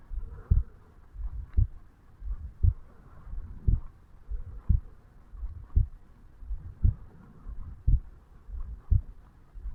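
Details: A 35-year-old male self-records his heartbeat at the mitral (bicuspid) valve area on waking in the morning: regular paired thumps at about 57 beats a minute with faint background noise, a normal resting heartbeat.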